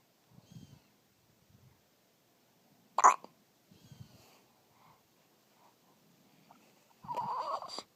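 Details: Infant with hiccups: quiet room, soft baby noises and a sharp, brief catch of breath, then a short fussy cry.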